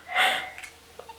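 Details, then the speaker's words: An adult woman (the vlogger's mom) sneezes across the room: a single sharp, voiced burst with a brief hissing release, then quiet room sounds. "And that's my mom sneezing."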